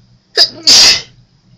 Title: Second Attempt (A few more sneezes for you)